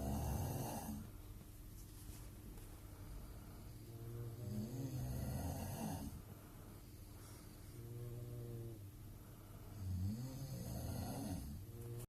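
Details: Rhythmic rattling, groaning breaths every few seconds with low fluttering on each breath, from a person nicknamed a goatmonster, recorded in a Queenstown hostel; low volume; loud snoring.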